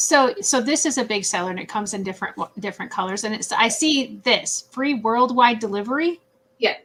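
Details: Adult woman speaking; typical speech.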